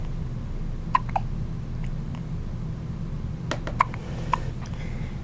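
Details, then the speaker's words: Twin babies both with hiccups, which they also had in the womb: several brief, sharp clicking catches over a steady low hum, about five in five seconds; infant hiccups. "you're so silly you silly gooses you both have the hiccups you used to do that when you were in my belly yes you did yes you did"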